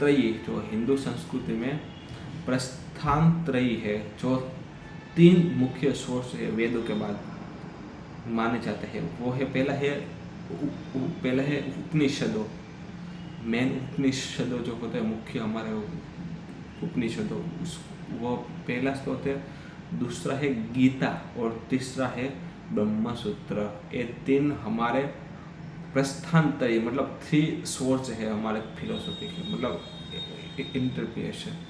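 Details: Adult man who stammers, speaking Hindi during storytelling practice on day 7 of a daily fluency practice routine with breathing exercises; stammering.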